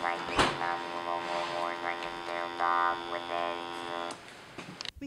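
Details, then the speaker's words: Electrolarynx demonstration: a steady, flat mechanical buzz shaped into word-like sounds, the robotic tone of electrolarynx speech. "We change the sounds our vocal cords make by changing the size and shape of our vocal tract. An electrolarynx works by vibrating."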